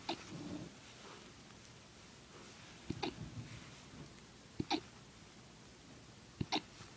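Soft, brief catching sounds about every one and a half to two seconds over a quiet background, typical of a puppy's hiccups.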